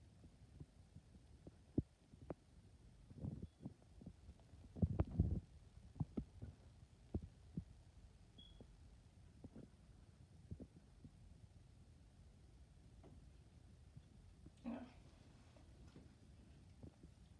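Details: Normal heart sounds heard on stethoscope auscultation during a physical assessment of a female patient.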